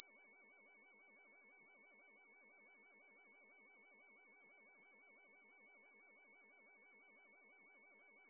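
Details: A person's own recreation of the ringing tinnitus they got from standing by an amp at a concert; tinnitus simulation.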